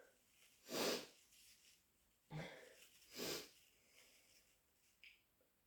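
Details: Induced sneezing: two super loud, harsh, wet sneezes about two and a half seconds apart, with a sharp in-breath between them.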